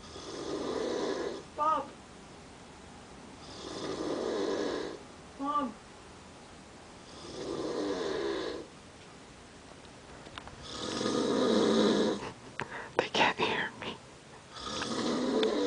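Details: Father snoring in sleep: loud, rough snores on each breath in, about 16 a minute, with short snorting sounds between some breaths.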